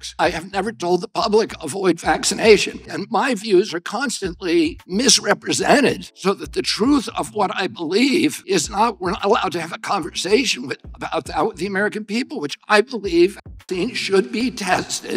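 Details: Adult male political figure (Robert F. Kennedy Jr.), said by narrator to have spasmodic dysphonia, described as a loss of his voice; spasmodic dysphonia.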